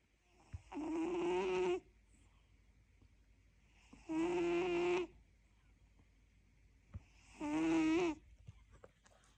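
Three long, rattling, tonal snores on inhalation, about 19 a minute, with quiet pauses between; a sleeping cat snoring.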